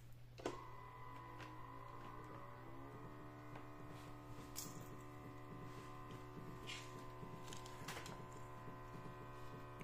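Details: Steady electric pump hum with rising tones and a few valve clicks as the cuff inflates on a Purescope IP 4050 patient monitor being repaired for an NIBP no-reading/cuff-hose error, tested on an analyzer set to 120/80; blood pressure cuff inflation.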